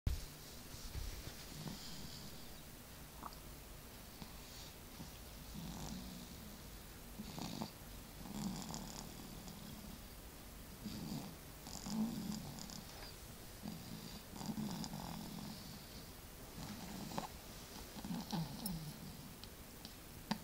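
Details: Sleeping baby: soft, low rumbling breaths every two to three seconds with a faint purring quality and quiet room noise; light snoring.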